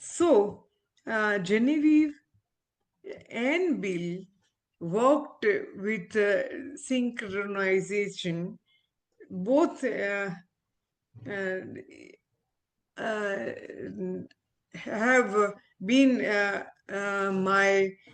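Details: Aphasia in an adult female ophthalmologist following a stroke, currently recovering her speech with a speech-language pathologist; real patient.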